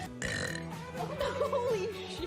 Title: Ripping Deep and Long Burps